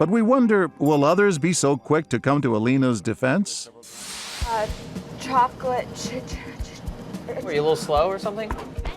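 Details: Adult speaker; host narration.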